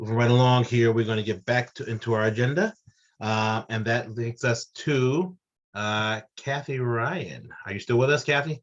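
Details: Adult man speaking; Normal speech.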